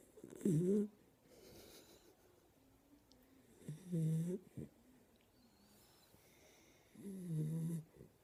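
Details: Sleeping dachshund: three loud, rough, low-pitched snoring breaths, about 17 a minute, with quieter breathing between; snoring.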